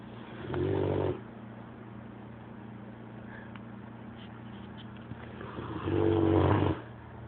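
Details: Dog snoring louder than a human: two loud, rough, low snores about five seconds apart, with a steady low hum between them.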